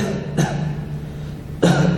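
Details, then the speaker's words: Auscultation of the chest through a stethoscope while the patient coughs: two muffled coughs over a steady low hum, used to judge dry versus wet cough. "Por último, la auscultación termina con la auscultación de la tos, auscultando el tórax mientras el paciente tose."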